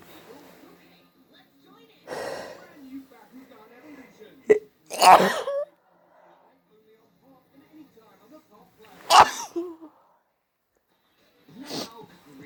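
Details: Hay fever or cold sneezing with nose blowing, some sneezes induced and some not, with an itchy nose: two loud sneezes with voiced build-ups, a softer third burst, and quiet sniffing between them.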